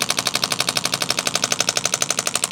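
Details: Radial shockwave therapy on a university student's shoulder, pain from carrying a heavy backpack, first-time treatment; rapid loud regular percussive pounding like a very strong Theragun slapping the skin.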